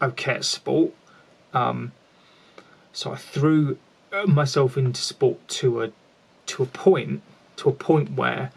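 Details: Lifelong stuttering (stammering) in an adult man, present since childhood, with repetitions in this stretch.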